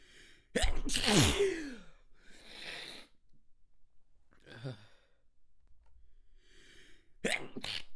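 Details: Adult's manually induced stifled sneezes from extra-sensitive spots: a forceful, partly held-in sneeze with sharp burst and breathy release, then quieter breaths and another stifled sneeze onset.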